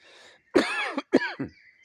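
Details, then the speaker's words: Elderly man coughing outdoors in a forest: two harsh, voiced cough bursts, close to throat clearing, after a moment of faint birdsong. "Та як я кашляю старий дід чуєте Ну якщо немає грибів то хоть послухаємо як природа виспівує тільки мій кашель мішає лишній тут"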